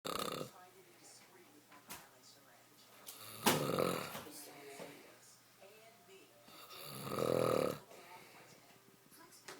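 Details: Adult man snoring during sleep: two loud, rough snores about four seconds apart over faint room noise.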